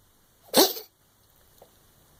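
A single short, harsh, explosive burst from a pet, followed by quiet and a faint small sound; one cough.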